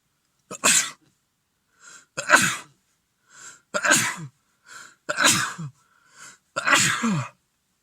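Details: Adult with a lingering cold, blocked and runny nose and sore throat, in repeated sneezing fits: a run of five forceful sneezes, each preceded by a short inward gasp, in a quiet room.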